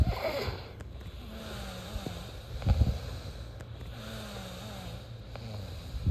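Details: Self-recorded snoring during sleep: low rumbling breaths with a droning, slightly tonal buzz recurring about every three seconds over steady room noise.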